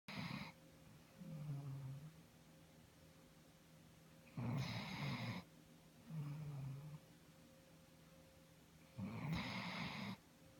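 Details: A sleeping cat snores in a steady rhythm of about 12 breaths a minute, with low rattling breaths in and softer hums out over a faint hum; recorded 3/19/2017; snoring.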